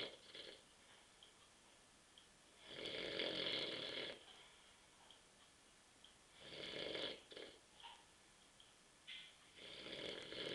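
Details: Adult man asleep on a sofa on a Saturday night around 9:30 pm after drinking many beers, with rough, rattling snores on each inhalation about every three to four seconds and quiet exhalations between; snoring.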